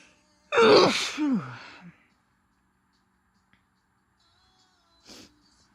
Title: Merry Christmas - induced sneezes and a nose blow at the end